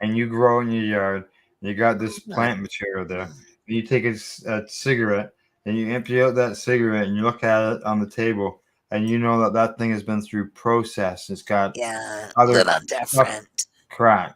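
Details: Adult male speaker; Normal conversational speech.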